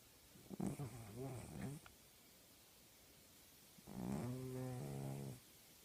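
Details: Two drawn-out, throaty breaths with a buzzing, vocal tone from a sleeping female tabby cat; loud snoring.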